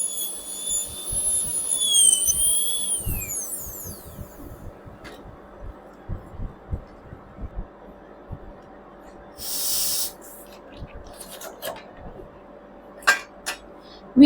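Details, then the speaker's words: High-pitched whine of an air rotor dental drill with a round bur, rising then falling, then quiet clicks, creating an initial ditch in an occlusal pit cavity for a glass ionomer restoration; dental air rotor drill. "I am using a round bur to enter into the cavity and create an initial ditch."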